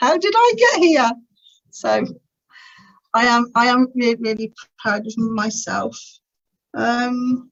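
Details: Adult woman who has stammered since about age three, describing it as uncontrollably bad, with teenage years when she could hardly put two words together; later attended the Starfish Project speech therapy course to gain control; stuttering.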